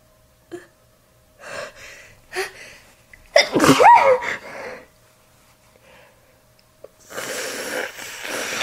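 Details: Female sneezing messily into a tissue: short wet inhalations build to a forceful, moist, snotty sneeze, then a long rush of breath noise.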